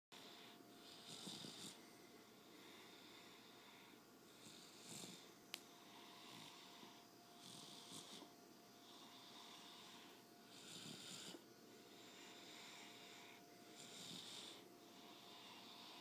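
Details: A sick child asleep in his father's arms snores softly, with hissy snores repeating irregularly about 19 times a minute over a faint steady hum in a quiet room.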